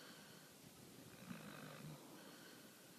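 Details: Sleeping dog, eyes rolling and twitching, giving a single soft, low snoring breath with a brief snort-like rattle over room hiss; snoring.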